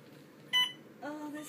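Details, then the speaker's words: Short electronic beep then a softer tone as the patient, still in pain, presses the PCA button requesting a bolus opioid dose, followed by a lockout period; simulated training scenario. "the bolus dose is what the patient can control when she presses the pca button once the patient presses this dose it will give a bolus in order to ensure pain control management"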